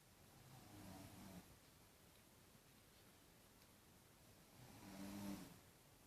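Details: Two slow, rumbling snores about four seconds apart in a quiet room from a sleeping daughter who denies snoring; the snoring is described as louder than the TV.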